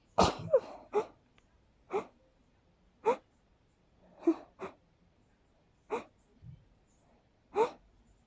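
A rapid run of about nine sharp sneezes, roughly one a second, with quiet gaps between: a sneezing fit.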